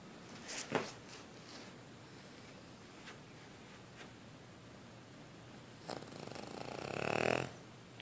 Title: Snoring Cavalier King Charles Spaniel